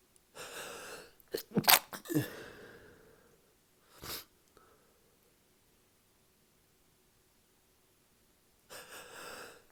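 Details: Adult sneezing fit, said to follow drinking alcohol, often for no reason: several sharp, explosive sneezes in quick succession with breathy in-breaths before and between them.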